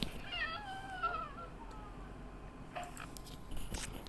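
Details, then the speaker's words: A baby with cri du chat syndrome: high-pitched, thin, mewing cry like a cat's meow over faint room noise; the characteristic cat-like cry. "하여튼 이런 식으로 이제 애기 울음소리가 좀 이렇게 고양이 울음소리 같이 나오는 거예요. 묘성증후군이라 하죠."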